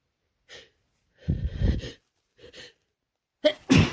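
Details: A quick catching breath, then two forceful wet sneezes and a harsh explosive one; increasingly desperate, messy sneezing from a non-binary person with a cold caught at fall school start, ongoing two days.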